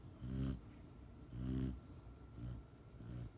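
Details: Almost 6-month-old female Rottweiler puppy deeply asleep after returning from training: low rumbling snores, about four in three seconds, with each breath; ordinary snoring.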